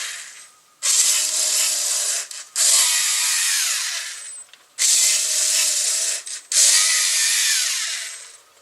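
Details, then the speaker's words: Homemade LEGO Mindstorms NXT emergency ventilator with programmable compression, delay and bag diameter: repeating motor-whine cycles with pauses, about 15 per minute, as it squeezes and releases a resuscitation bag. "And now we're going to pump the bag."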